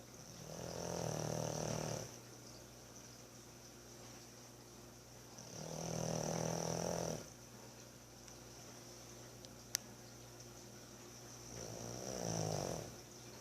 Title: Pug Snoring